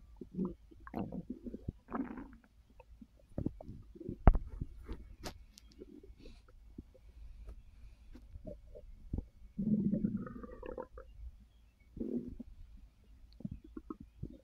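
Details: Irregular low gurgles and rumbling bursts with sharper pops from a full stomach while resting after overeating (snacking after a gummy); borborygmi.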